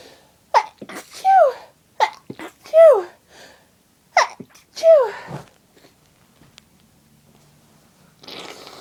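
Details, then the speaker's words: Adult with a cold in sneezing fits: gasping build-up breaths before each of two loud sneezes, then rustling; repeated cold sneezing. "Oh. Oh, bless me. Oh God, I'm gonna sneeze again. I feel it building."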